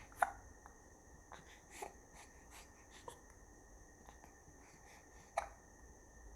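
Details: Baby boy with hiccups: soft, brief catching sounds spaced seconds apart that seem to annoy him, a common harmless event in babies.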